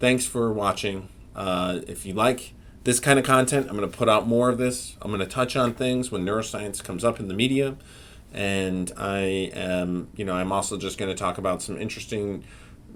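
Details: Adult male speaker; normal speech.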